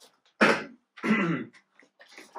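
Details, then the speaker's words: Cough from an adult man who attributes it to smoking, not coronavirus: two harsh, loose cough bursts, then faint breathing and small throat sounds in a quiet room. "i also want to clarify i don't have the corona virus i'm just coughing because i smoked so excuse this cop"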